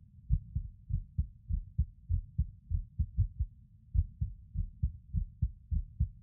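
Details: A male records his own heartbeat while lying on his bed; the heartbeat is irregular with skipped beats.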